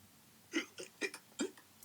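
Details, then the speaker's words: Imitated hiccups voiced by a reader during a children's Halloween story reading, not real: four quick, abrupt hiccup sounds in a row in a cartoon character voice. Hiccups. "Said, "Boo!" to skeleton... but nothing worked. The hiccups stayed."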